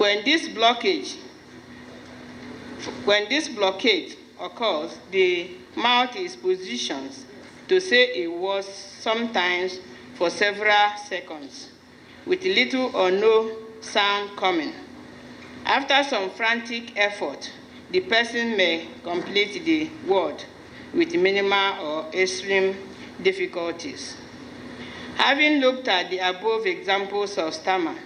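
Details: Adult narrator; normal speech.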